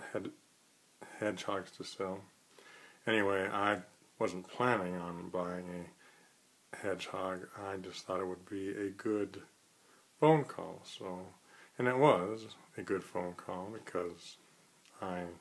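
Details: Adult who stutters, in a daily phone-call challenge to overcome fear of stuttering on the phone, speaking after a real call to a pet store; stuttering.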